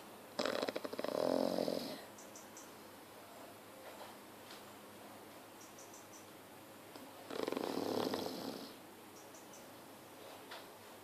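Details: A sleeping Chow Chow dog snoring: two long, rough snoring breaths about six seconds apart with quiet breathing between; ordinary snoring.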